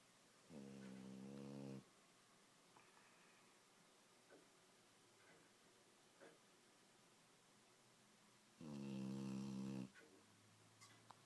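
Two long, loud, buzzing snores about seven seconds apart, with quiet room noise between them. Snoring in a sleeping puppy.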